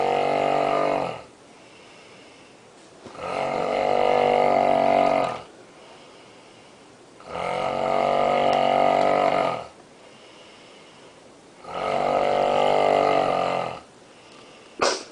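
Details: Woman snoring loudly in her sleep in a hotel room: loud, rhythmic, rumbling snores on each in-breath, about 15 breaths a minute, with quiet out-breaths between; snoring.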